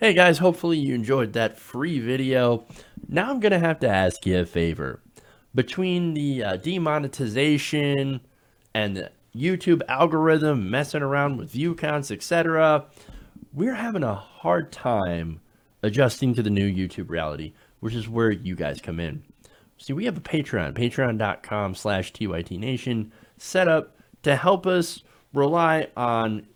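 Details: Adult man speaking; normal speech.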